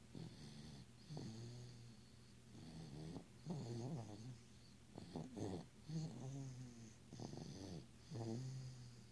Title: Snoring baby - 9 months 1 week old.